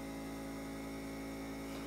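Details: Nebulizer compressor running as a steady, even mechanical hum during a few-minute sinus-clearing treatment of a calm African Grey parrot under veterinary care for a sinus and fungal infection.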